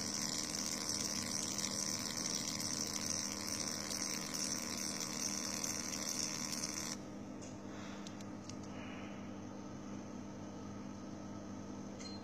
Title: FQZ03 fractional co2 laser machine